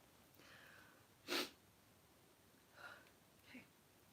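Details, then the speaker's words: Woman sneezing during a live chat stream, saying she wants to sneeze again: a single sharp sneeze burst followed by two faint breathy sounds; an ordinary sneeze. "I want to sneeze again and it's all you've basically heard yarn yarn yarn sneeze sneeze sneeze"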